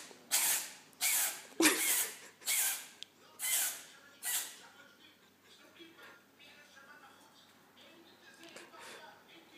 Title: Cat sneezing